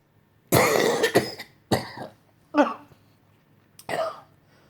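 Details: Adult coughing crisis, a run of about five harsh, forceful coughs in quick succession, struggling to breathe after inhaling leaf debris and dust blown by a leaf blower; cough.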